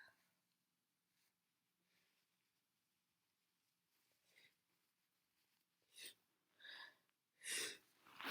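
Quiet breathing, then a build-up of inward breaths ending in a loud, wet sneeze.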